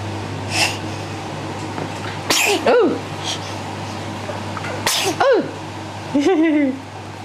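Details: Three sudden sharp sneezes, each with a quick breath in first, amid room noise while playing with the camera; ordinary sneezing.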